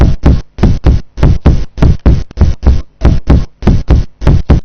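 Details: Chest percussion demonstrated on a medical simulator during respiratory examination: resonant percussion note.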